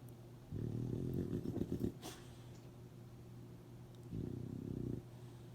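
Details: Sleeping dog: low, rumbling, fluttering snores, about two breaths in with quiet pauses between them; snoring.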